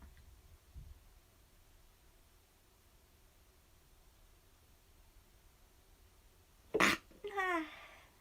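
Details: In a quiet room, a young Japanese woman gives one sudden, sharp sneeze followed by a brief high-pitched voiced sound; an ordinary single sneeze.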